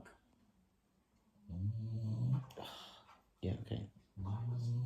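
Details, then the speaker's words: Loud, low, rumbling snorts in irregular bursts from a sleeping dog in a quiet room: snoring. "i've just watched them back on my phone and realized that you can hear trevor snoring so loudly"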